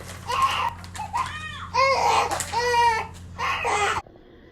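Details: Several strong, high-pitched wailing cry bursts from a newborn baby boy delivered by C-section, with a steady room hum; an ordinary healthy newborn cry.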